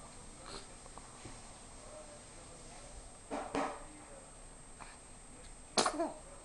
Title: One month Baby sneezing